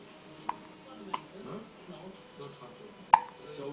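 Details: Baby with hiccups: three sharp, brief catches at irregular spacing over a quiet room with soft background sounds; infant hiccups.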